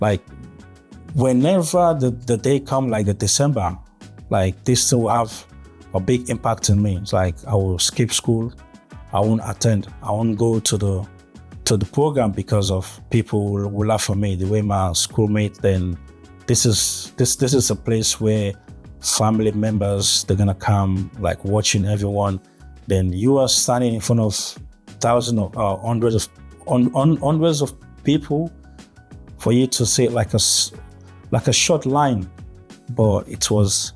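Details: Adult man who has stuttered since childhood, with blocks and gaps when speaking; natural speech; stuttering.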